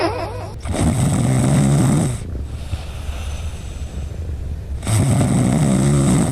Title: Cat Snoring – Cutest Sleep Sound 😂🐱💤